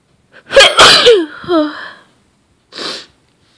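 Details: Sneezing after an attempted holdback ("don't sneeze"): catching breaths build into a loud, forceful voiced sneeze with a trailing cry, then a short exhaled burst after a pause; powerful, somewhat messy sneezes.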